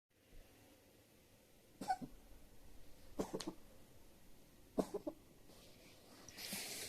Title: Cough(cat) 猫の咳